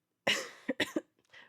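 One strong cough followed by three short, quick coughs, with a harsh, somewhat wet quality: a lingering productive cough after flu.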